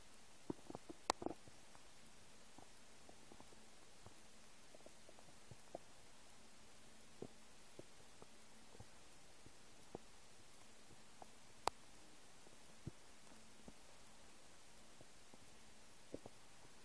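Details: Empty stomach: scattered faint gurgles and a few sharper pops from the belly in a quiet room; ordinary stomach rumbling (borborygmi).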